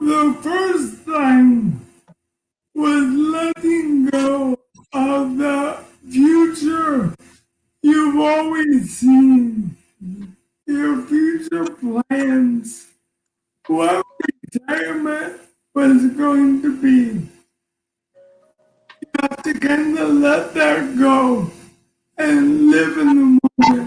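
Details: Man diagnosed with ALS in September 2019 at age 54, who says ALS is taking a toll on his voice and he can be hard to understand; dysarthria (ALS).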